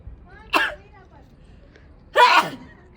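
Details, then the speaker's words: Two sharp, explosive sneezes about a second apart in a quiet room, from a woman doing a sneezing challenge who says she sneezed a lot this round too. "Mini mini चीक इतनी पिछले round में भी मैंने बहुत ज्यादा चका था इसमें भी चका है बहुत ज्यादा"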